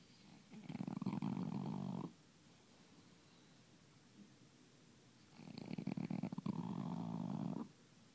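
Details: Snoring in a sleeping animal: two long, rumbling snoring breaths with a fluttery rattle, separated by quiet pauses.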